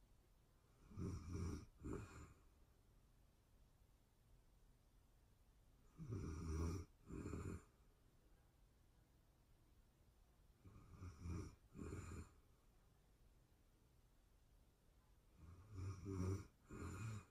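Quiet low rumbling snores in paired bursts, each breath broken into two snorts, four breaths in about 17 seconds, roughly 14 breaths a minute.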